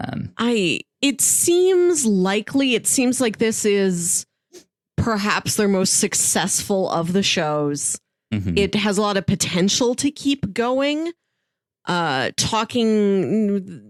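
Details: Adult speaker, likely female; normal speech.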